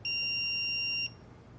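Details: Simulated adult CPR and AED demonstration using an iPAD AED in adult mode: a single steady high-pitched one-second alert tone after rhythm analysis finds no shock advised, following an earlier delivered shock; AED alert tone.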